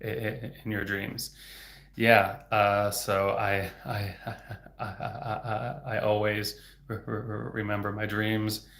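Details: Stuttering in an adult man speaking in a livestream; he reports getting stuck on words.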